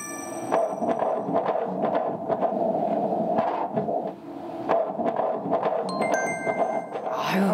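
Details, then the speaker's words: Fetal heartbeat on Doppler during a pregnancy check-up, with the baby lying prone and turned: rapid, regular whooshing pulses, beating well, with background music and chimes. "자, 지금 보면 아기 심장 잘 뛰고 있어요. 들려드릴게요."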